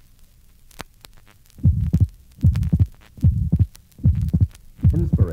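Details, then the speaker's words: Atrial septal defect in a 1965 teaching recording: heartbeat with a grade 2 ejection systolic murmur and an abnormally wide, relatively fixed split second heart sound that does not increase with inspiration. "this recording is from a patient with an atrial septal defect note the grade 2 ejection systolic murmur and abnormally wide and relatively fixed split second heart sound refer to figure 70."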